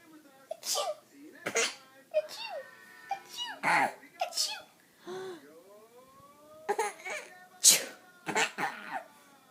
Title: Laughing at me sneezing